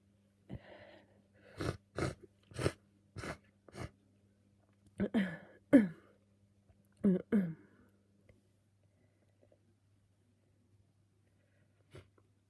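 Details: Run of sharp, wet, uncovered sneezes in quick succession, snot flying, over low room hum; repeated sneezing all day during a messy cold.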